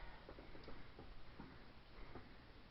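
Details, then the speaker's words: Normal resonant percussion note over the posterior chest during a nursing physical assessment, percussed side to side all the way down with no dullness: a series of soft, hollow taps. "then all the way down side to side there's no dullness it sounds good"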